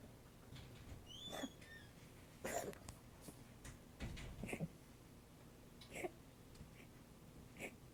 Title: 3/9 coughing